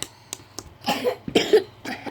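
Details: Child with a cough and cold, reading aloud: a few brief, soft coughs with throat noises in a quiet room.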